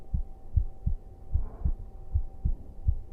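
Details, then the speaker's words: Livestreamer's own heartbeat played for ASMR-style listening during a late-night stream: soft, regular low thumps, about 75 beats a minute, with a steady faint hum behind; a normal heartbeat. "永 久 保 存 版 心 音 聞 か せ て や る か。 抱 き し め な が ら 俺 寝 る よ。"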